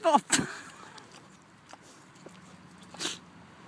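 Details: Pet pigs sneezing: two quick sharp sneezes close together, then quiet, with a fainter snort-like burst near the end.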